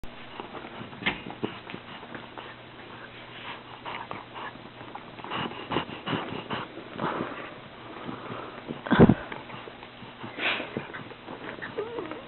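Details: Noisy, effortful huffing and sniffing breaths with one loud snort from a dog (Lola) breathing hard; labored breathing.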